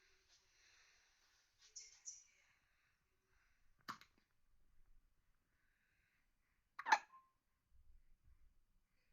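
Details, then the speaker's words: Baby girl, awake at 9 PM after a day of sleeping and drinking milk, lying on a changing table with hiccups; two short, sharp hiccups about three seconds apart with faint soft sounds between. "hey baby girl someone's got the hiccups"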